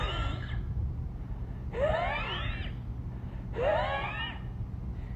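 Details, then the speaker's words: An adult imitates a child's wheezing with three musical, whistling breaths rising in pitch, contrasted with congestion from mucus or milk in the throat; this is the sound of concern in RSV bronchiolitis or asthma. "compared to wheezing which is going to be very Musical and it's going to be like"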